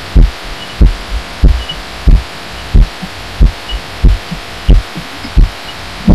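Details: Own heartbeat recorded lying on a pillow, audio amplified; uploader wonders about arrhythmia and says it gets odd toward the end: dull, muffled, somewhat uneven thumps about 90 a minute over steady hiss.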